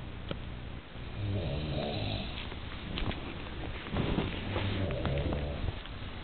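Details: Person resting and snoring loudly after a big Sunday lunch out: deep, rattling, rumbling breaths with a steady rise and fall.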